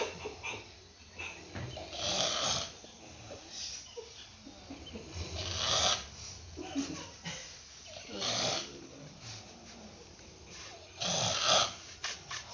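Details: Loud, rough, rattling snores, about ten a minute, from different sleepers in a humorous compilation of snoring types.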